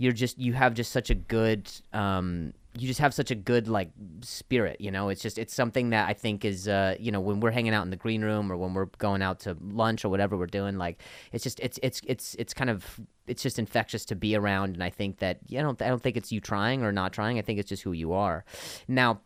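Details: Adult male comedian whose stutter began after an injury and has improved greatly since; part-word and whole-word repetitions; stuttering.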